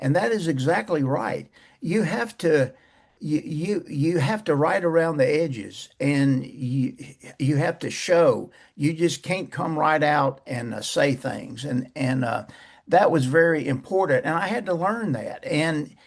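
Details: Persistent stuttering in a man close to 80 years old who says he still stutters, mainly blocks and bad airflow with some repetitions.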